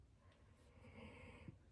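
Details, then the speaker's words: Faint, low rumbling snore with a breathy hiss and a brief snort from Watson, a sleeping pet, heard in the background of a conversation: snoring. "very can you hear Watson snoring it's it's distracting me"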